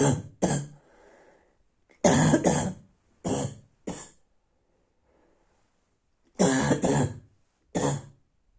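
Three clusters of harsh, abrupt coughs, about eight in all, with quiet gaps between; a barking cough.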